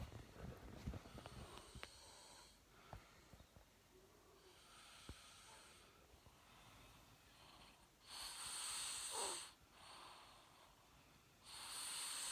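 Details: Snoring during sleep: noisy, rough breathing with bursts of snoring on the breaths.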